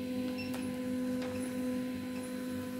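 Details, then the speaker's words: Steady electronic whine with faint ticking from a Nidek 712 12-channel ECG machine continuously printing a long-lead rhythm strip in manual mode until stop is pressed; ECG machine printing. "as long you press stop it will keep on printing"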